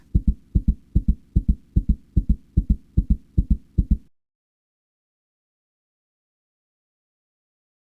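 Simulated rapid, regular lub-dub heartbeat at about 150 beats a minute, then silence; a normal fast heartbeat during exercise.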